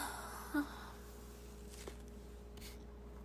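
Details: Girl sneezing: a short breathy intake followed by one quick, fairly soft sneeze burst in a quiet room.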